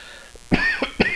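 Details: Adult man presenter, a little sick, gives three short, sharp dry coughs in quick succession without wet or rattling sound in a quiet room; a dry hacking cough.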